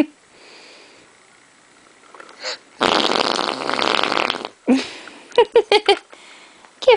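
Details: Baby: a long, noisy burst of breath, then several short sharp sounds, likely sneezing and hiccuping; sneezing.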